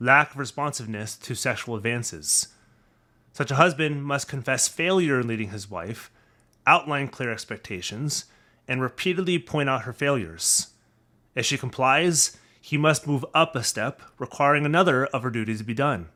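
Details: Adult male speaker; normal speech.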